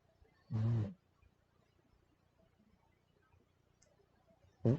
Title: my pug snoring